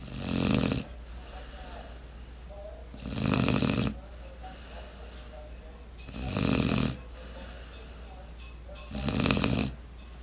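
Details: Black lab/border collie puppy snoring while asleep with eyes open: four loud, rough snores about every three seconds, roughly 20 breaths a minute, over a steady low hum.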